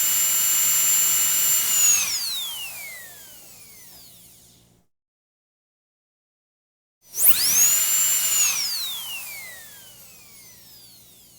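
High-pitched whine that spins up, holds, then winds down, twice: a dentist's drill running.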